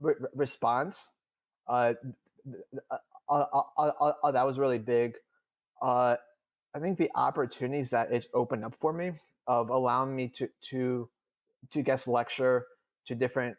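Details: Adult male who stutters, speaking in real conversation; he reports stuttering more than he had in years during a recent public talk; stuttering.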